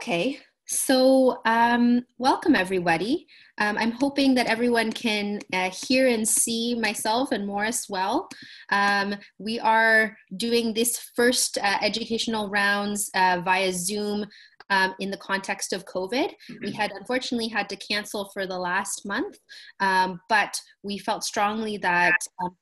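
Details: Adult woman speaking; normal speech.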